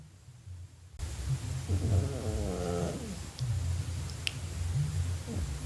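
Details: Sleeping cat snoring: soft, low rumbling breaths with faint room noise; ordinary sleep snoring.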